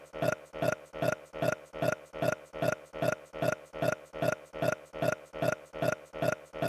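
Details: Continuous repeated burping: rapid, very regular guttural bursts, about 150 a minute, alike throughout.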